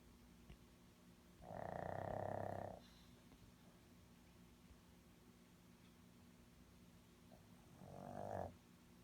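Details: Two sleepers snoring in a car: two rattling snore breaths several seconds apart over steady engine hum; ordinary snoring.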